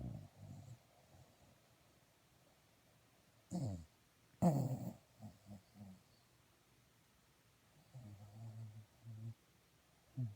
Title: Moose my dog snoring..I have proof now..lol